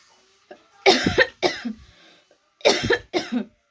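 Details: Woman with a real cough during winter, recorded for a coughing challenge; cough.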